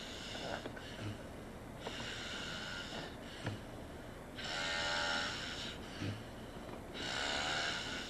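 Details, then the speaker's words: Male roommate asleep, loud rough rattling breaths with a low grunting snort every 2 to 3 seconds over room noise, recorded as proof he snores: snoring. "esta es la prueba que tú veas que tú roncas duro con cojones, brother."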